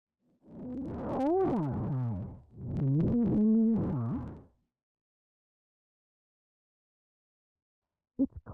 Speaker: we have prepared a hearing loss simulation you will hear a sentence repeated four times the first sentence as an example of how severely distorted speech may sound